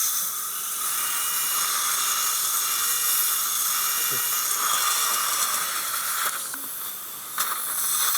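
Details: Dental implant drill whine with brief clicks during OneGuide template-guided implant surgery for missing maxillary molars (#15–17, #25–27); steady high-pitched drilling hiss at implant site, second molar area.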